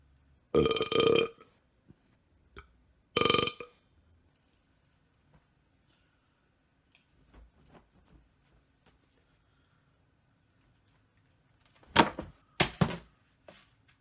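Several loud, drawn-out belches separated by quiet gaps, with a cluster of shorter burps near the end.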